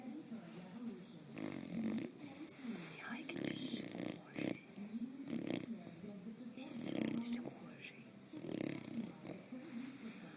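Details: Bulldog snoring while napping: continuous wet, snorting, gurgling snores on nearly every breath, about twelve breaths a minute; noisy snoring typical of a flat-faced dog.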